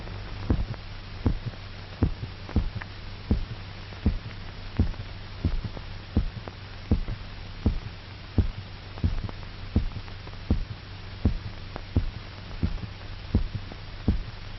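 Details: Dog heart in a 1930s Bryukhonenko heart-lung machine experiment, with a kymograph recording pulse: sharp, somewhat uneven thumps over a steady low hum while all the blood is drained through the carotid artery.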